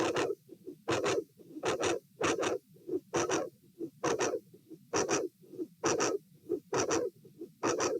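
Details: Heart sounds recorded at position A during an auscultation stress test (lying, sitting, standing) in dilated aortic root: very loud mid/late systolic sound with murmur at S2; aortic vascular click.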